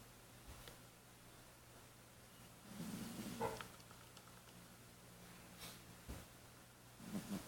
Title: Kitty cat snoring ,He has asthma￼